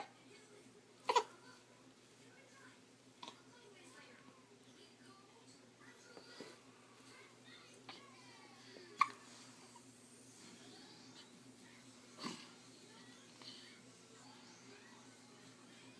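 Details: Hiccups: brief, sharp, irregularly spaced gulping catches, about six in sixteen seconds, in a quiet room.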